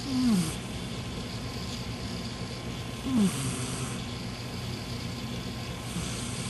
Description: Gizmo, the snoring cat. he only does this sometimes